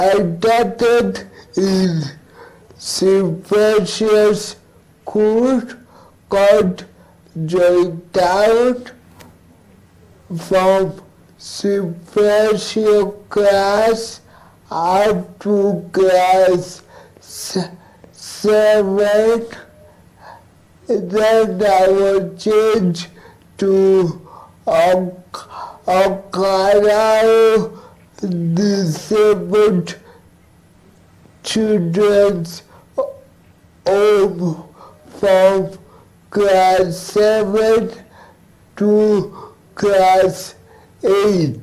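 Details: Dysarthric speech from a male cerebral palsy advocate who has lived with cerebral palsy since childhood; finding: dysarthric speech (cerebral palsy).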